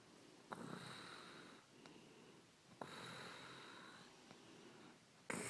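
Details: Snoring from a sleeping girlfriend: two long, whistling snoring breaths with a snorting catch at the start of each, plus quieter breaths between.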